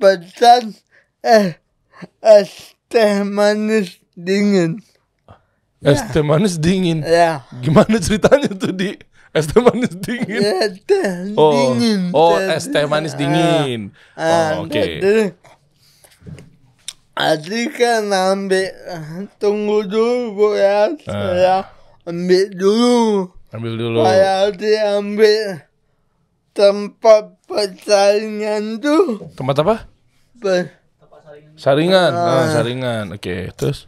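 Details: Adult man born in 1987 with severe cerebral palsy from birth, attributed to a birth injury during a breech delivery; unable to walk until about age 9; able to speak but not clearly; dysarthria (cerebral palsy).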